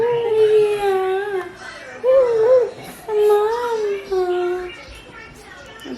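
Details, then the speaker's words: Repeated whiny, wavering cries in short bouts from a baby boy up all night with fever of 101.5 °F, given Tylenol, refusing to lie down or be rocked, exhausted and seemingly in pain; infant crying. "I think he's just so exhausted and so tired, but like in pain."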